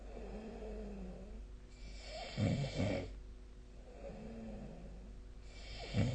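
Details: Sleep recording: low rattling snores on breathing in, two close together then another, over steady room hum; ordinary snoring during sleep.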